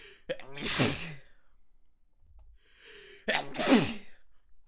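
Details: Stifled sneezes turning into a rapid sneezing fit, tickle too strong to hold back: two sneezes, each a quick in-breath followed by a sharp, explosive burst of air.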